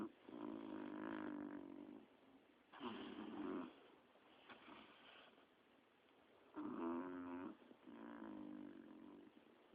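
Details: Resting on the sofa, chillaxing: repeated buzzing, fluttering snores with each breath, about four breaths in ten seconds; ordinary snoring.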